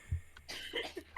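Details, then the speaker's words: A brief cough burst from an adult over a steady low hum; the speaker says everyone there is sick in weird, cold weather, consistent with a cough during a cold. "we're all sick down here it's it's weird weather time it's not even Sweater Weather it's just weird [ __ ] weather"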